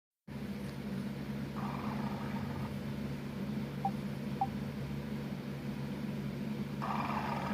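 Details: Stomach growling in a cat: a steady low rumble, likely purring, with a few short gurgling surges from the stomach.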